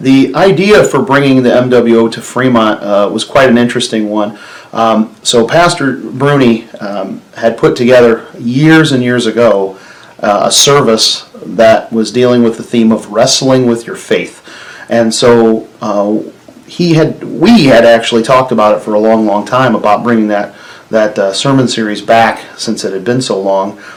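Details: Adult male speaker; normal speech.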